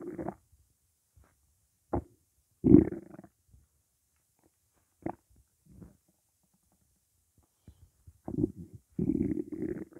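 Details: Scattered gurgles and low rumbling bursts with quiet gaps, with only water in the stomach; normal stomach growling (borborygmi).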